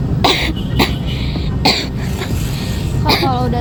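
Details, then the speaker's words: Simulated cough: an adult medical student acting as a tuberculosis patient gives four short, harsh coughs in a public place, with outdoor traffic noise, in a social experiment. "Makanya aku ngira kemarin tuh kau TB soalnya batuk-batuk juga."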